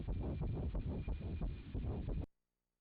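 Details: Fetal heartbeat on abdominal ultrasound at 9 weeks, naturally conceived pregnancy of a 39-year-old mother, growing normally for dates: rapid, regular whooshing pulses, roughly 170 beats per minute.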